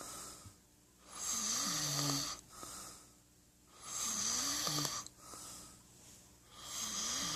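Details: Loud, rasping snores from an adult man asleep on a couch, in a steady rhythm of about 22 a minute with quieter breaths between; snoring.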